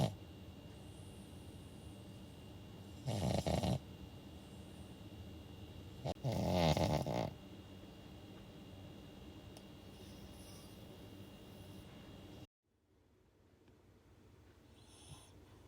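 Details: Two loud rattling snores over quiet breathing and room hiss from a sleeping Shih Tzu dog; ordinary sleep snoring.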